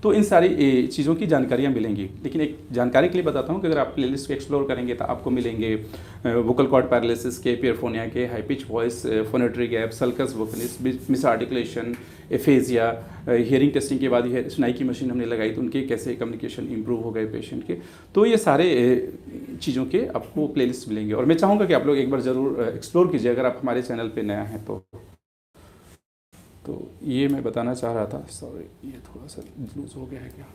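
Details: Adult male speaker; typical adult male voice.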